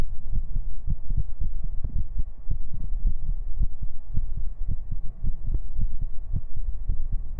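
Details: ASMR livestream recorded with a 3Dio binaural microphone, heartbeat segment: steady, regular low thumps of a normal heartbeat at roughly 90–100 beats per minute over a faint hum.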